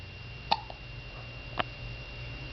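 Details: Baby girl, trying to sit up, gives two short, sharp hiccups about a second apart over a quiet room hum; ordinary infant hiccups.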